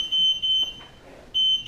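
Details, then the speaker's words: Hospital bed exit alarm on an ADVANTA 2 med-surg bed set to the most sensitive positioning mode, in a training demonstration: repeated high-pitched electronic beeps after the patient tried to get out of bed unassisted. "the patient attempted to get out of bed unassisted the bed exit alarm was triggered"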